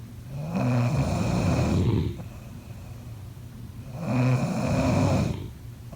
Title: #snoring #snoringsleepingsoundeffect #snoringsounds #snoringasmr